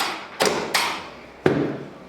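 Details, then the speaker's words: Three sharp wooden thuds, each with a brief rattle, as a manual drop table falls during chiropractic drop technique on a patient with years of pain, suspected lumbar spine problem. "so now I'm going to do the drop technique okay so you've seen this in all videos"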